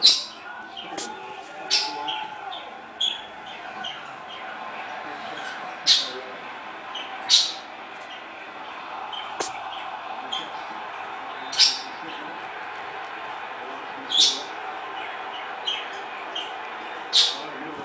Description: Our new kitten having a sneezing fit :)